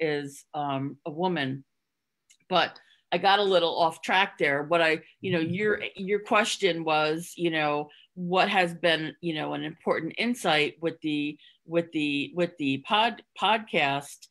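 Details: Adult woman who stutters, speaking in a real podcast interview. She hid her stuttering through avoidance for close to 30 years before embracing it and now stutters openly. Finding: stuttering.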